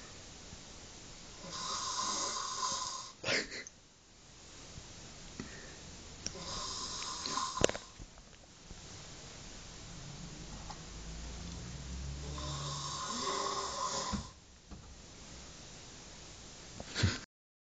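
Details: Imitation snoring from a made-up dragon, not a real sleeper: three long, rasping snore-like breaths with a deep rumble.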